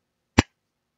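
A single abrupt, very short voiced grunt in silence: a simple vocal tic of Tourette syndrome.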